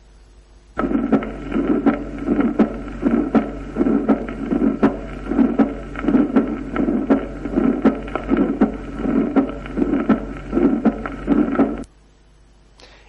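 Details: Loud second heart sound in aortic valve sclerosis.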